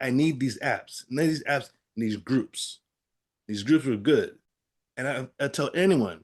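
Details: Adult man with aphasia after a stroke; aphasia.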